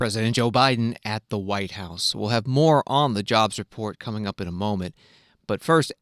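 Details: Adult male broadcast host; Normal voice.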